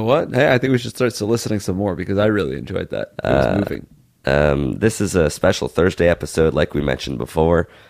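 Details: Adult male speaker; normal voice.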